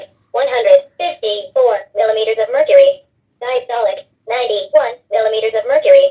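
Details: Dr.Trust digital talking blood pressure monitor: a recorded female voice announces a reading in short clipped phrases, taken without the advised rest and shown as systolic 154, diastolic 91. A device readout, not a body sound.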